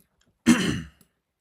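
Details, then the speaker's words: A single short, rough throat clear, about half a second, from an adult man during a livestream who reports voice breaks and an irritated throat. "I'm getting some serious voice breaks that need remedying."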